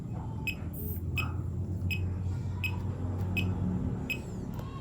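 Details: Fingertip pulse oximeter beeping with each pulse during a blood oxygen comparison with a smartwatch, SpO2 reading 97: regular short beeps, roughly 85 a minute, over room hum.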